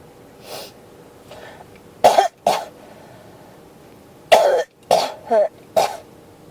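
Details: About seven harsh coughs in two clusters in a quiet room; a cough that will not stop.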